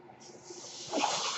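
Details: Noise from the speaker's own ventilator, heard at the start of a podcast recording: a mechanical ventilator.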